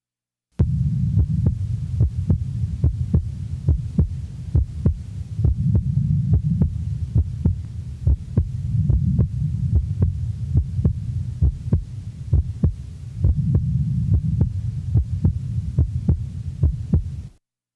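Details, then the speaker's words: Normal individual, recorded at the left base, regular heartbeat about 70/min: physiological splitting of the second heart sound with each inspiration, with breath sounds in the background. "The recording is from base left. A physiological splitting is heard with each inspiration. Breath sounds are heard in the background."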